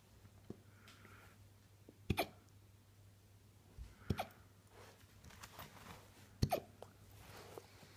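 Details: Malamute puppy's first hiccup episode: three short, sharp hiccups about two seconds apart over a low room hum.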